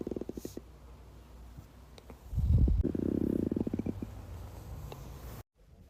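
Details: Young blonde woman's belly: low gurgling, bubbling rumbles swelling mid-clip, ordinary stomach growling from gas and fluid moving through the gut; borborygmi.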